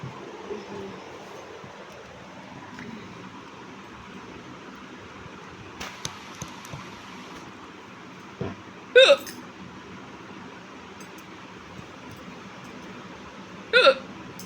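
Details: Two sharp, abrupt voiced hiccups several seconds apart over a quiet room hum; a woman's real hiccups. Hiccups.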